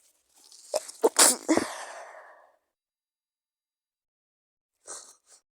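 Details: A very sick person gives a forceful explosive sneeze with a noisy trailing exhale, then two brief muffled, stifled coughs after a pause.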